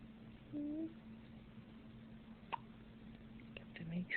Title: Hiccups...